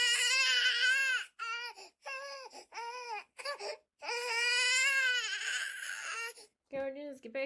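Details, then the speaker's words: A recording of an infant crying, played to test a deep-learning snoring-detection system: high-pitched rhythmic crying in repeated wailing bursts with brief catch-breath pauses between cries. "Şimdi de bebek ağlaması dinleteceğim."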